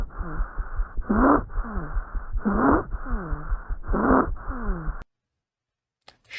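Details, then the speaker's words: Very intense, high-pitched stridor from inflammation and obstruction of the airway. "muitas vezes ali onde a gente tem essa inflamação e obstrução da região da via aérea ele tem um som bem intenso e bem Agudo né"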